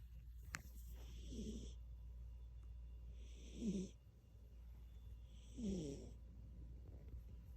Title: Tigey snores